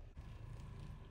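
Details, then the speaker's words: Mechanical chest percussor used by respiratory therapy students demonstrating chest physiotherapy on a patient: low, steady motorized buzz vibrating against the chest. "One of the main devices we'll use on our patient is the percussive. Hey, Mr. Smith, my name is and I'm going to be doing a chest percussion on you."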